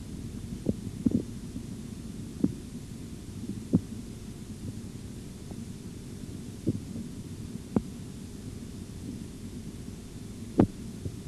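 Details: Faint, sharp tapping over a steady low hum, heard through a stethoscope during auscultatory blood pressure measurement: Korotkoff sounds.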